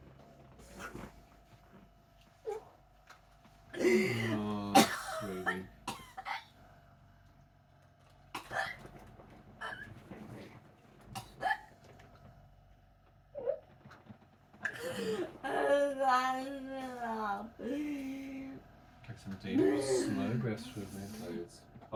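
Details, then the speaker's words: Sleep-deprived autistic female with 22q11.2 deletion syndrome, just after seizures and with nausea: sudden, irregular vocal bursts (cough-like grunts, throat clearing, a brief squeal), Tourette's vocal tics. ">> And your Tourette's is activated."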